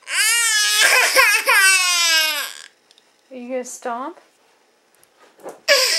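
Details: Baby crying with bottom lip rolled out: one long, high-pitched wail, then short whimpering sobs and a renewed cry; ordinary infant crying.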